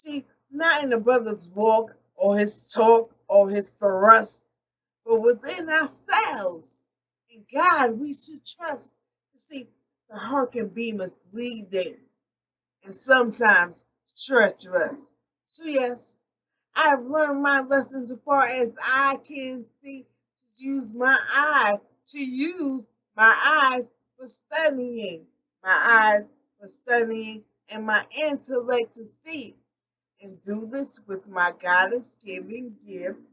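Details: Adult woman with aphasia developed after a stroke, real and self-described; she reports difficulty getting words out, frequent word errors, and needing to slow down when speaking. Finding: aphasia after stroke.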